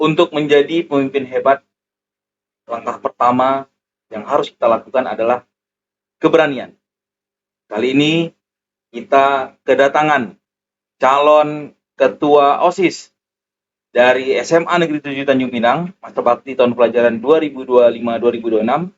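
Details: Adult male speaker; normal speech.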